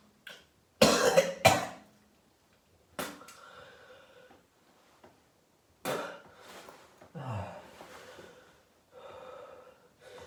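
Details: Several harsh, wet productive coughs bringing up mucus, separated by gasping breaths in a quiet room, from an adult ill for about 3 days with possible coronavirus.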